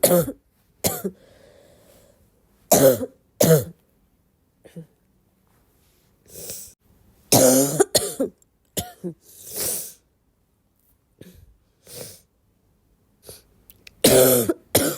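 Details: Coughing fit on waking, described as a barking cough in a girl: about a dozen repeated harsh coughs in bursts and pairs, some with throat clearing and breaths between.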